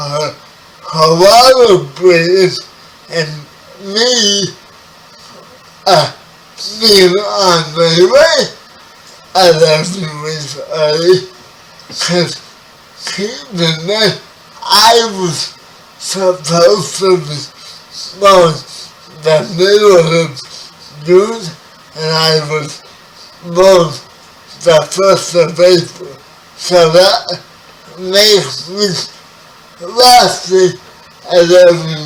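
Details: 30-year-old man with spastic quadriplegic cerebral palsy, born 11 weeks premature; dysarthria (cerebral palsy).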